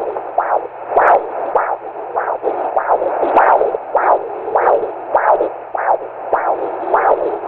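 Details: Fetal heartbeat heard on Doppler: regular whooshing pulses at about 105 to 110 beats a minute.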